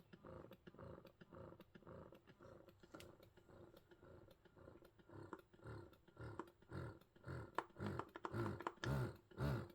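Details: Medela Swing electric breast pump, powered by its adapter, running during a teardown test: rhythmic low mechanical whirring pulses, about 110 a minute, strengthening toward the end, the motor cycling suction.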